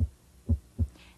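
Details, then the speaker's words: Teaching demonstration of cardiac auscultation in a physical assessment using diaphragm and bell: low, soft lub-dub of normal S1 and S2, with S2 best heard at the heart's base from pulmonic and aortic valve closure. "listen for the normal heart sounds S1 and S2 S2 is best heard at the base of the heart and corresponds to pulmonic and aortic valve closure at the end of ventricular"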